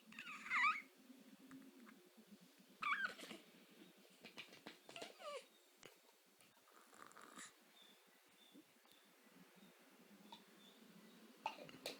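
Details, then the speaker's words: Violent hiccups in a just-woken, cranky "baby girl" (possibly a small pet), suspected gas: brief, high, squeaky jerks at irregular intervals, about one every few seconds, in a quiet room. "hiccups uhoh oh we have hiccups now you don't like hiccups yeah the hiccups surprise you though to it's pretty rough"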